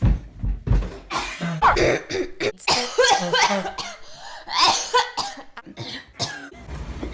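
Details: Adult coughing repeatedly for about a minute in ASMR style: irregular bursts of coughing with some throat clearing in a small indoor room; ordinary cough.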